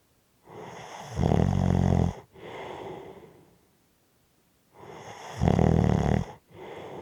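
Two loud, rough snoring breaths in, each followed by a softer breath out, about nine breaths a minute; heavy snoring during sleep.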